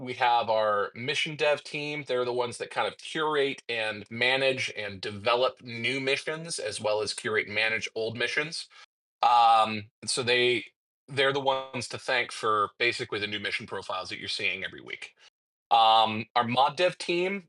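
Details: Adult male speaker; typical speech.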